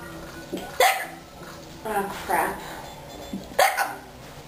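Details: A hiccup attack: three sudden, sharp voiced hiccup gulps at irregular intervals over music and room noise; repeated hiccups.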